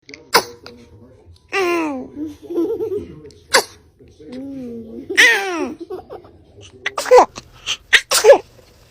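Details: Compilation of babies sneezing: several small, high-pitched sneezes with brief squeals and adults saying "bless you".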